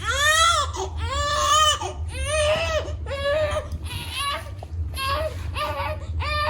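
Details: Steady rhythmic crying, about one cry a second, over low room hum, from a six-week-old breastfed baby being offered a first bottle of pumped milk.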